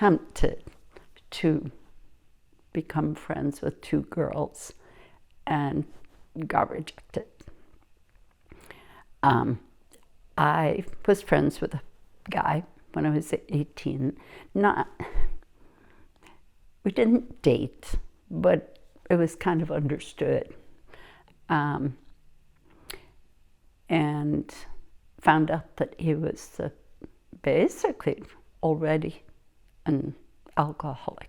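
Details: Adult woman speaking; typical speech.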